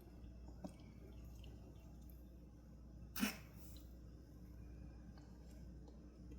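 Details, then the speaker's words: Foster Siamese kitten with feline upper respiratory infection (sneezing, runny nose, watery eyes), on antibiotics, Albon, B12 shots and breathing treatments, gives a single short, sharp sneeze in a quiet room. "You hear it sneezing back there. They have sneezing, runny nose, watery eyes."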